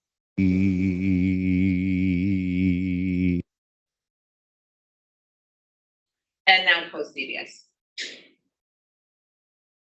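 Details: Voice sample before deep brain stimulation from a patient with essential vocal tremor, showing frequency and intensity modulations; essential vocal tremor.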